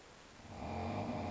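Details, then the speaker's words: Man snoring very loudly at midnight, described as snoring like a bear: a deep, rumbling breath that swells in loudness over about a second. "ladies and gentlemen that sound you are hearing it's not a machine it's not even an animal"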